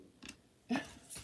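Brief, faint gurgling rumbles from an adult's stomach, the ordinary growling of digestion.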